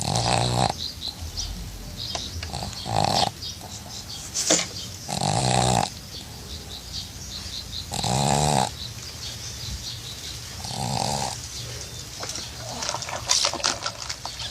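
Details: Pug (flat-faced dog) snoring: loud, rattling, snorting snores with a raspy whistle on each breath, about 23 a minute.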